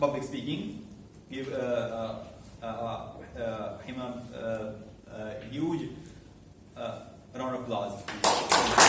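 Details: Adult male speaker at a Toastmasters club for people who stammer, who says he is a stammerer; stuttering.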